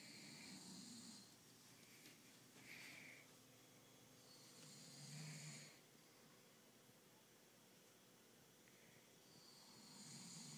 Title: My uncle snoring